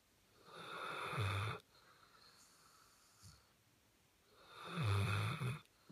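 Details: Snoring during sleep: two loud, low, rattling in-breaths separated by a quiet out-breath.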